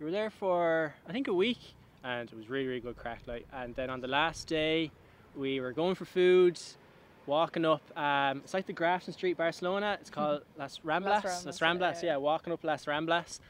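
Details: Adult man with a stammer since birth, familial through his mother's side, who had speech therapy and joined the McGuire programme in 2014 (costal diaphragm breathing); stammers more outside his comfort zone; finding: stammering (stuttering).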